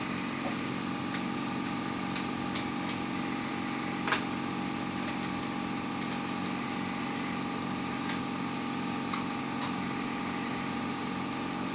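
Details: Refurbished Dräger Evita XL mechanical ventilator (pediatric and adult modes) running: steady machine hum with a pulsing mechanical sound and a few faint clicks.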